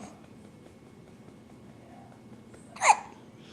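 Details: 9-day-old newborn with frequent hiccups, also before birth; a single abrupt sharp hiccup after quiet breathing in a quiet room; hiccups.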